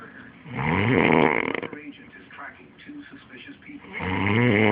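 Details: Loud, rattling snores on each breath, with television talk in the background; the uploader's own snoring.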